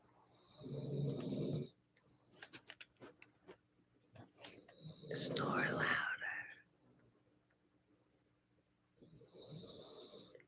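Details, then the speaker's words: A sleeping dog snores in slow, rumbling bursts, about 14 a minute, with microphone handling noise between, heard during a guided meditation. "i hope you guys can hear aussie snoring because i think that's like a really beautiful i i love meditating to the sound of aussie snore but maybe i can move it"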